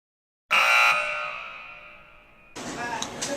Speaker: what would you do if the gas panel alarms were going off well the first thing i would do i would notify the charge nurse and let them know because they're the only ones that can shut off the gas valves